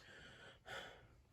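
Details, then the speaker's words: Nursing student head-to-toe assessment: stethoscope over the posterior lung lobes with deep breaths, giving soft airflow then one deeper inhale; lungs clear on auscultation, no adventitious sounds, rhonchi, wheezes or crackles, a normal finding. "great so patient as long lungs were clear to oscillation no adventitious breath sounds can be heard and um no ronchi wheezing or crackles can be hurt as well"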